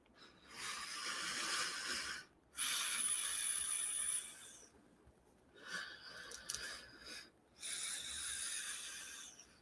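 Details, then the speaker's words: Live demonstration of breathing, close to the mic, through a hoseless Opti Pillows nasal pillows device with an adjustable expiratory pressure dial. About three slow breaths with loud hissing airflow; resistance on breathing out is audible. "But there's also a dial on the front of this where you can actually adjust the amount of expiratory pressure. And it's very comfortable. It's kind of cool. I mean, there's no hose or anything. So I'm just going to breathe on this just for a minute, close to the mic so you can hear."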